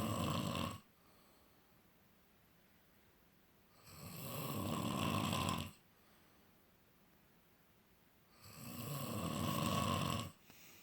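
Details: Loud, rough snores on each in-breath about every four and a half seconds, with quiet pauses between: heavy snoring.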